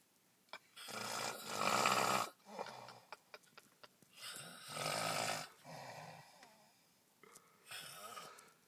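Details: Loud, harsh snores on breathing in, with rattling breaths and a short quieter snore between them, from an adult man asleep in a truck after a night of drinking; heavy snoring.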